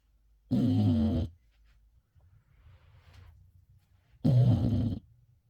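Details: Two loud, rough, rattling snores with quiet breathing between from a dog asleep holding its pacifier/attachment cushion in its mouth; snoring.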